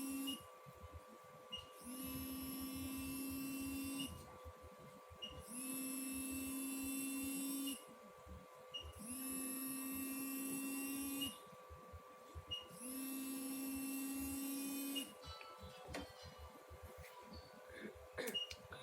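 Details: Thermagic FLX radiofrequency skin-tightening handpiece running on a person's skin with gel, vibration at highest and treatment level around 7 (felt warm to hot): repeated few-second buzzing bursts with short pauses over a steady hum.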